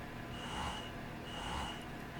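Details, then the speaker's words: Motif Roam breast pump running in massage mode, level 1 then stepping up to levels 2 and 3 with a slight pause before each ramps up: rhythmic soft whooshing motor cycles with a steady tone. "So this is level 1 on massage. I'm going to go up to level 2 and 3, and you'll kind of hear like a slight pause and then ramp up."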